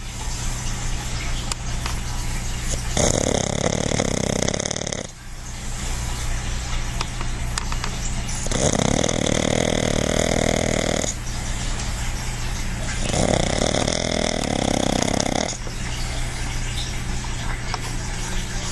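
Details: A relaxed, napping dog described as a big-time snorer: loud, rough rattling snores on each breath in, about three in under twenty seconds, over steady background hum; snoring.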